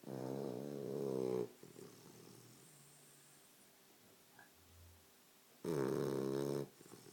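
Two loud, rough, buzzing snores about four seconds apart, with quiet breathing between them. Typical snoring of a flat-faced dog.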